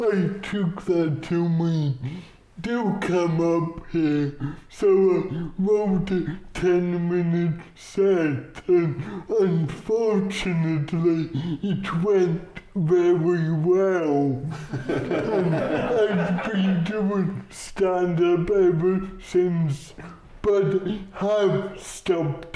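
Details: Adult male comedian with cerebral palsy, whose speech takes audiences a while to follow; dysarthria (cerebral palsy)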